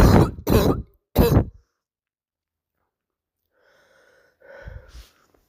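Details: A young girl gives three harsh, loud barking coughs in quick succession, then quiet breathing; the cause is unknown and the recording quality is poor; barking cough.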